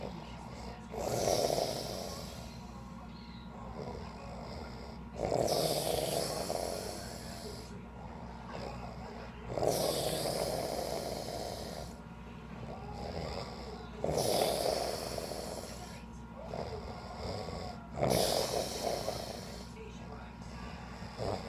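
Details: Him napping at a hotel after a beach trip: repeated snores at about 15 per minute, some snorting, varying from breath to breath, over steady room hum.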